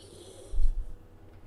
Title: Pug snores while sleeping on my lap (2023 - May 03)